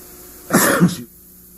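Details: Single short, harsh throat-clearing burst in a quiet room, from a Minnesota statewide TV news program; throat clearing.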